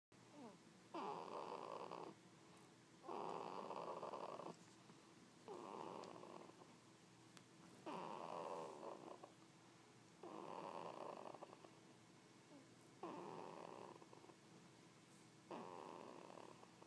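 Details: A 20-day-old snoring softly and rhythmically, about 14 breaths a minute, each breath a fluttering rasp in a quiet room; snoring.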